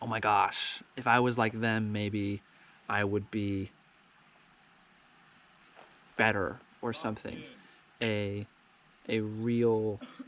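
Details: Adult man who has stuttered his whole life, with years of speech therapy; he describes the stutter as minor, sometimes getting stuck on words; stuttering.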